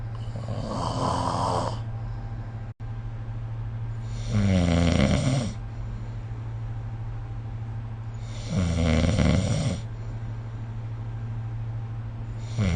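Regular loud snores on inhalation, about one every four seconds, over a steady low hum in the room.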